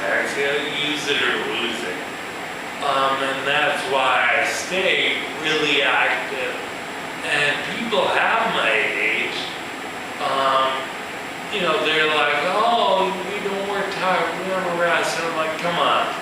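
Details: Man with ataxia, a neurological disorder with cerebellar cell death affecting balance and speech, who says his speech has improved, giving a live talk; ataxic dysarthria.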